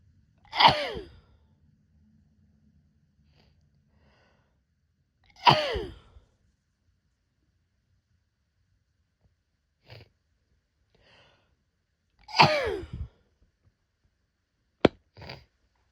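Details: Hay fever sneezes from a female: three forceful, voiced sneezes with falling pitch, spaced several seconds apart.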